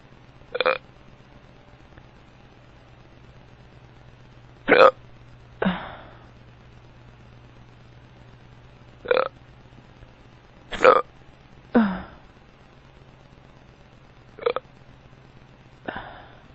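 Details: Drunk man with powerful hiccups: about eight abrupt, sharp hiccups every few seconds, some followed by a short burp.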